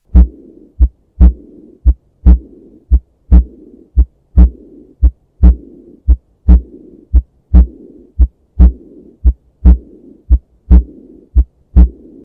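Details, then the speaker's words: Regular heart sounds near 57 a minute, each second sound followed by a soft blowing diastolic murmur best at the right upper sternal border: aortic regurgitation. "aortic insufficiency or regurgitation is a diastolic murmur heard best at the right upper sternal border"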